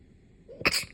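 A single sharp, hissing burst after a brief inward breath: one sneeze.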